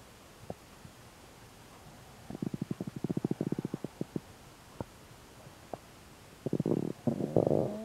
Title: MVI 1134 stomach ulcer sounds